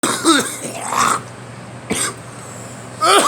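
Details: Three harsh, partly voiced adult coughs separated by brief pauses, with a faint steady hum behind.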